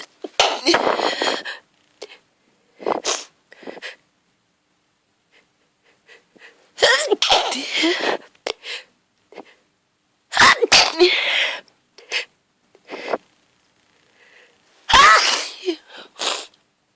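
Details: Hungover person who fell asleep in a garden, with hay fever from grass pollen: a sneezing fit of four forceful sneezes in quick succession, each with a sharp inhaled build-up.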